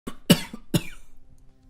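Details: Acted demonstration of adult coughing for a phone cough-warning health feature: two to three short, sharp cough bursts in a quiet room.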